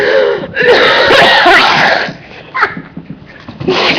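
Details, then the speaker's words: Choking cough in an adult after something went down the wrong pipe: harsh, rapid coughing bursts trailing into gasping breaths and a few softer coughs. "all right I'm good went down the wrong pipe I can breathe okay"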